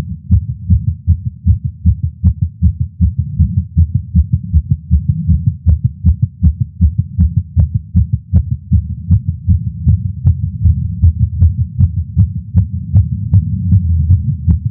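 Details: Male's heartbeat recorded with a Stemoscope stethoscope while smoking a cigar after not smoking for a while, feeling lightheaded: steady, fast thumping about 150 beats per minute; nicotine-related tachycardia.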